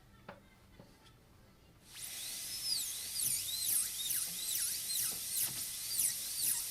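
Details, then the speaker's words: A high-speed handpiece with a 1.2 mm bur reduces about 2 mm off the incisal edge of a maxillary canine on a typodont model for a PFM crown prep; its high-pitched whine starts up and wavers as it cuts. "We're going to do the incisor reduction now, and we're going to reduce about 2 millimeters off the incisal edge."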